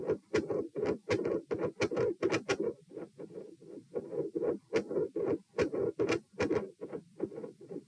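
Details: Stethoscope heart sounds at position P, supine, during repeated dry swallowing: rapid rate around 110 a minute, uneven rhythm with early beats. Tachycardia with premature atrial contractions; swallowing-induced atrial tachycardia or PDA questioned.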